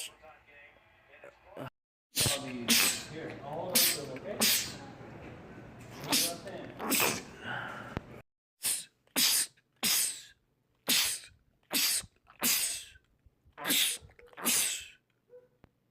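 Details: Rapid run of about fourteen sharp, explosive sneezes by a man in close succession; a sneezing fit in a compilation of film clips.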